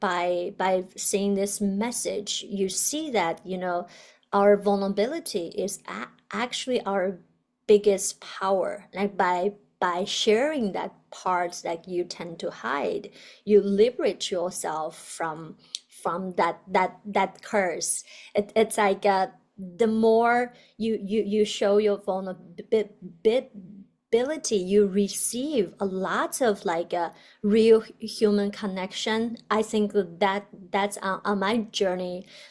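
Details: Adult woman, a doctoral student in communication sciences and disorders, who stutters; a word repetition heard; stuttering.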